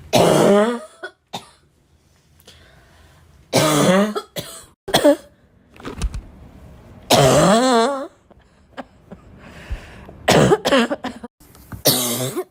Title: i really love my own cough… is that normal?